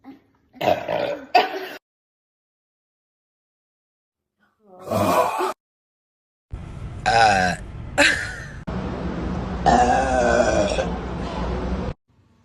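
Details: Woman burping: a run of loud, voiced belches, some brief and some long and drawn out, in a quiet room.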